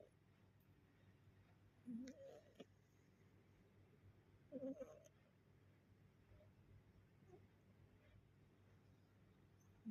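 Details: Sleeping cat snoring: soft, short snoring sounds over two breaths in a quiet room.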